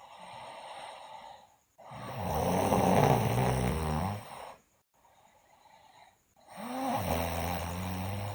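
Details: Loud rattling snores on each breath in with quieter breaths out between, from a sleeping girl; loud snoring during sleep.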